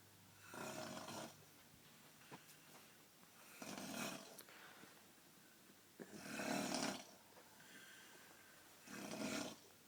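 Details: Adult's snoring at night (New Year's Eve), recorded around 6:30 am by a sleepless bed partner; shushing or moving makes it louder: rough, rasping snores on each breath in, about four in ten seconds.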